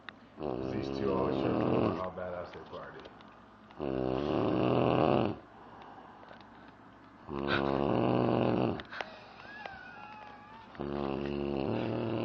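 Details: Loud, rumbling snores about every three and a half seconds with quiet gaps between and a faint whistle in the background: heavy snoring.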